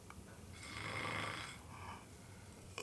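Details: Snoring in an acted scene from a Finnish comedy short film.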